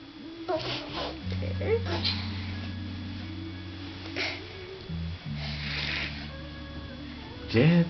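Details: Sharp noisy sneezes from an adult (the father) over a steady hum, followed by the high-pitched giggle of a 17-month-old toddler sitting on the couch reacting to the sneeze.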